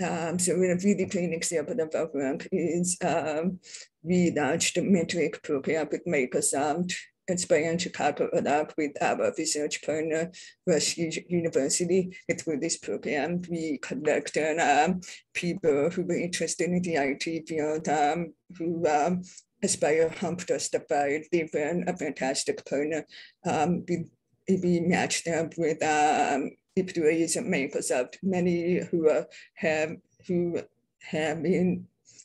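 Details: Woman born deaf, now using bilateral cochlear implants, who describes her own deaf accent; deaf speech (hearing-impaired speech).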